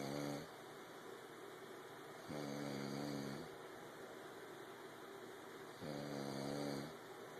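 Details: Three buzzing, tonal snores about a second each, recurring every few seconds over a steady room hiss: snoring.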